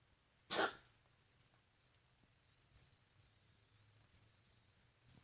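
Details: Dog named Winston coughing, recorded 11/1/2015 10:06 AM: a single short, harsh cough followed by several seconds of quiet room noise.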